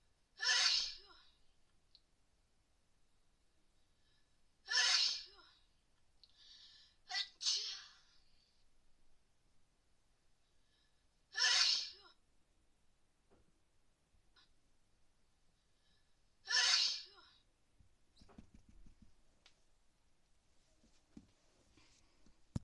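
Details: Person with a cold having a sneezing fit: five sharp, explosive sneezes in a row with short breaths between, in a quiet room.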